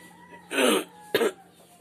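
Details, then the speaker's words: Two short, rough cough bursts from an adult man ill for three days with suspected Covid-19 or dengue fever, with hoarse voice, headache and body aches, after neem steam inhalation. "the liquid I got this cough you can hear my voice and it makes my head pain and my body aching"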